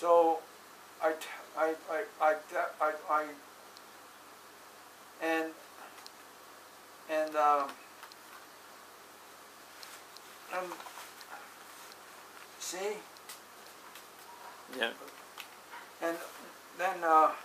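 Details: Adult with aphasia after a stroke on 5-3-2007, recorded in 2016; non-fluent aphasic speech.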